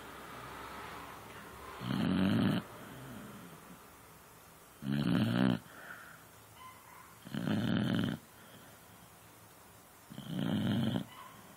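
Regular loud rattling snores, four in about eleven seconds, roughly 22 a minute, with quiet breaths between.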